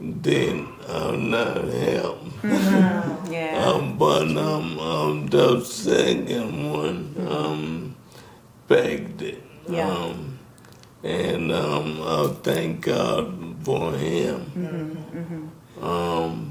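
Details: Dysarthria in an adult man with ALS diagnosed in 2020; symptoms began in 2017, with the disease first affecting his speech, starting with a raspy voice.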